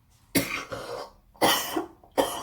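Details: Three harsh, throaty coughs in quick succession from someone recovering from a bad flu.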